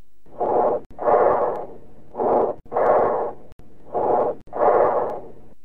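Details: Teaching-cassette recording of breath sounds: harsh, hollow breathing with long expirations and a clear gap between inspiration and expiration: bronchial breathing.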